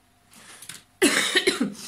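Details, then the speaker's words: Cough from an adult woman ill for several weeks with a hoarse voice, regular coughing and a slightly runny nose: a soft intake of breath, then a sudden loud cough with a short rough follow-through. "Alors excusez-moi, hein, je suis un peu malade. Je me traîne une saloperie depuis quelques semaines. J'ai la voix enrouée, je tousse régulièrement, j'ai tendance à avoir le nez qui coule légèrement."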